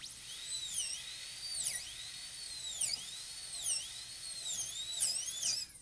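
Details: High-speed dental drill cutting a PFM crown preparation on a typodont maxillary tooth, shoulder margin kept at the level of the gingiva: high-pitched whine dipping in pitch each time the bur bites into the tooth.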